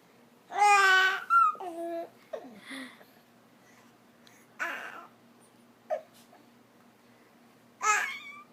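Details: Infant fussing and crying while bothered by hiccups: short, whiny cries and fussy vocal bursts broken by pauses, with a few quick catches; an infant fussing cry.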